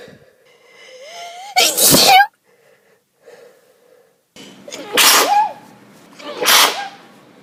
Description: I got bored and tried to record all my sneezes for an afternoon and compile them. I can't take my antihistamines because I'm having an allergy test next week, this is the result.